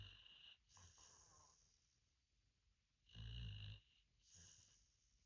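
Quiet, low rumbling breaths with one louder snore in the middle, heard during sleep; snoring.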